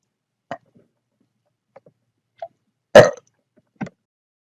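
Short throaty catches followed by one loud, rough burp, a mix of hiccups and belching.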